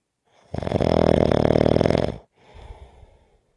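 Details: One long, loud, buzzing snore on the in-breath, then a softer rustling out-breath: snoring.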